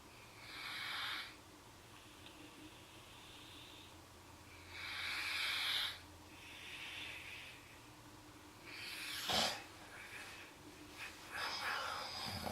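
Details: Snoring during sleep, with concern about the breathing: soft, hissing breaths with snorting, whistly sounds every few seconds.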